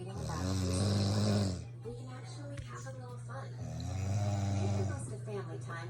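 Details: Adult wife snoring at 2 a.m., bad enough to wake her husband and the cat: loud, deep, rattling snores over a steady hum, with a television talking in the background.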